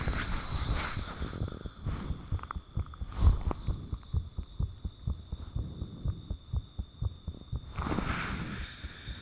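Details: Self-recorded own heartbeat with the fan turned off, taken shortly after the heart began feeling unusually thumpy: steady low thumping with faint whooshing and background hum, recorded close to the chest.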